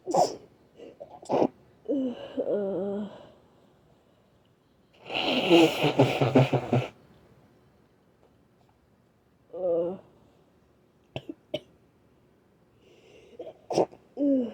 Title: Trying to Induce (wet and cloggy sniffles, groaning, coughing, 8 stifled sneezes and nose blows)